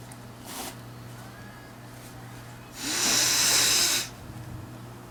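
A soft in-breath, then a loud hissing burst of air lasting about a second over a low steady hum; a sneeze.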